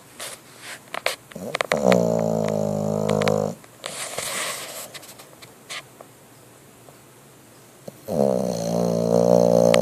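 Loud rattling, buzzing snores on inhalation from a sleeping bulldog, two long snores with soft snuffles and small sounds between.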